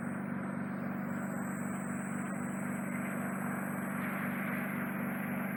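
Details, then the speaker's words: Continuous steady motor hum with high whistling tone: ear microsuction removing a large lump of dark, oxidized wax in a client with bilateral deep occluding earwax. "let's see if we can just remove that for you"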